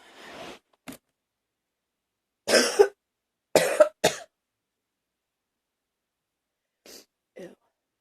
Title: Coughing fit! #15